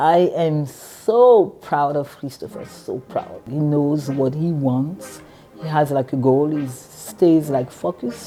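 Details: Adult speaker; ordinary speech.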